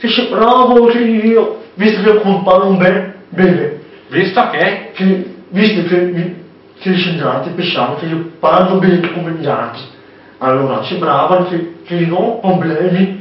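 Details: Young man with hearing loss (deafness) who relies on lip reading and hears word sounds imperfectly, speaking Italian; speech of a person with hearing loss.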